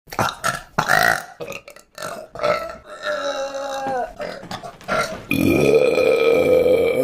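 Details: Voluntary burping from a compilation: several loud, drawn-out burps, with a long, low, croaking belch near the end.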